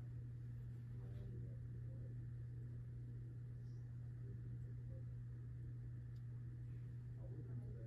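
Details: Student nurse's abdominal assessment of a non-surgical female patient: stethoscope over the right lower abdomen gives a low steady hum with a few soft, brief gurgles; normoactive bowel sounds, a normal finding.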